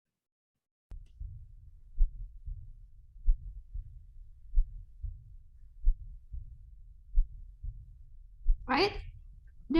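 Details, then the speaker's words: To-and-fro murmur from combined aortic stenosis and regurgitation: slow regular heartbeat about 46/min, a murmur growing louder in systole then an immediate sound just after S2. "like this sun which becomes louder and then there's an immediate sun just sound after the s2 so there's a murmur"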